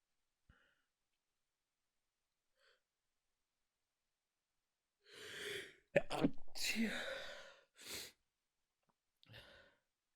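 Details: Person who woke in the morning with a hard-to-clear tickle in the nose, trying not to wake anyone: quiet sniffs, then about four stifled, muffled sneezes in quick succession.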